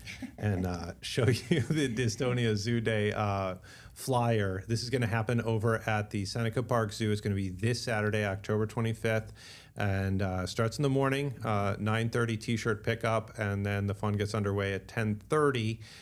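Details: Adult man speaking; ordinary speech.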